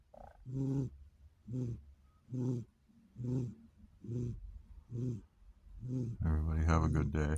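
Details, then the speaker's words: Sleeping cat, sacked out hard after playing all night, snoring with steady short rumbling snores about one per second, ending in a louder vocal sound; proof that cats snore. "This is proof the cats snore. He is sacked out hard."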